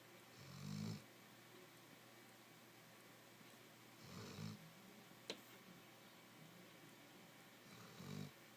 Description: I was trying to work in the office at home but Hershey was snoring so loud I couldn't help but laugh n record it!